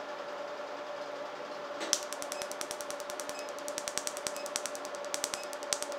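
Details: Rapid, irregular, sharp snapping clicks over a steady hum: pulses of a RevLite SI Q-switched laser during tattoo removal on a patient under anesthetic.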